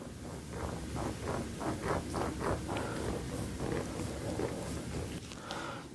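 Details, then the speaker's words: Instrument-assisted soft tissue scraping over the forearm of a female bikini bodybuilder during chiropractic treatment: repeated rough scraping strokes at about three per second. "All right, so if you guys want your ASMR for scraping, here is the forearm."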